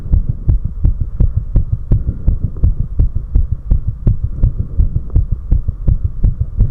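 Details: The recordist's own heart recorded right after 4 minutes of step-ups: strong, evenly spaced, very fast thumping heartbeats over a low steady hum, a pounding heart after exercise.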